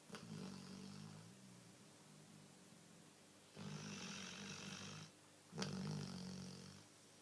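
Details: Millie snoring like an old man; soft, low rumbling snores with breathy hiss, three snores in seven seconds in a quiet room.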